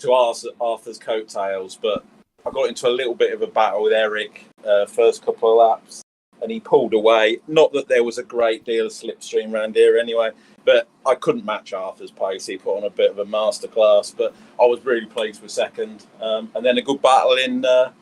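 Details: Adult male speaker; normal voice.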